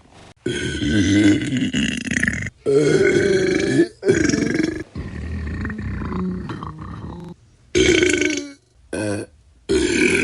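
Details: Sound-effect compilation of burping: a series of loud, drawn-out, croaking belches separated by short pauses.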